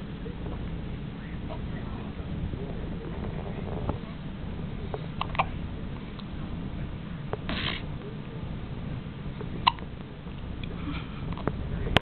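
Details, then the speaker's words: Boy two days old with hiccups, soft rhythmic knocks about every two seconds over a low whooshing background; mother wonders if he did this inside her; labelled fetal hiccups. "got the hiccups. Is that what you've been doing inside me?"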